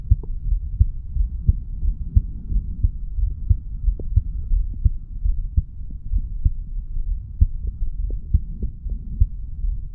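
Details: Heartbeat of a 35-year-old male after weight training, self-recorded over the mitral valve area: steady, low thumps at about 88 beats a minute over a low hum; normal heartbeat.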